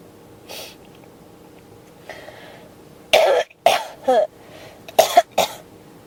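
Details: Quiet throat sounds, then five harsh, dry coughs in two quick bouts; persistent cough that won't stop, tagged with pneumonia.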